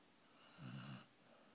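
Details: A sleeping puppy gives a single low, rumbling, human-like snore on the in-breath against quiet room noise; snoring.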